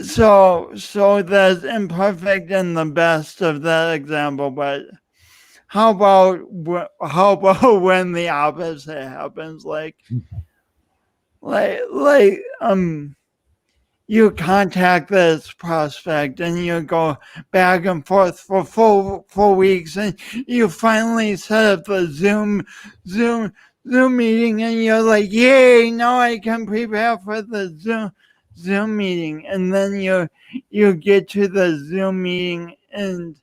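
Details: Speech impediment (dysarthric speech) in an adult man who lost oxygen at birth, lifelong and pronounced, with an unusual gait.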